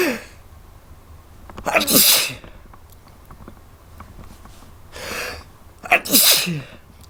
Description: Some feel good sneezing :)